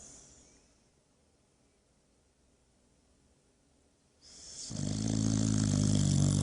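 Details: Boxer dog snoring, asleep after a busy day worn out at the park: near silence, then a loud, low, rattling snore begins and continues steadily, sounding like an old man.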